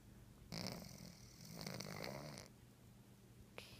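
Soft rasping breaths with a low rattling tone during sleep, two long drawn breaths in a quiet room; cat snoring.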